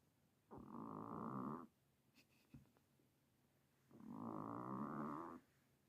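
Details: Recently adopted 10-year-old Himalayan cat that snores all the time: two long, rattling, nasal snores about three seconds apart with quiet pauses between; snoring in a flat-faced cat.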